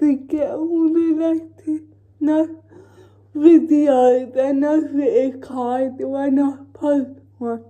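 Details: Female with cerebral palsy talking while feeding herself with a Neater Eater feeding aid; the dysarthria is inferred, not named: dysarthria.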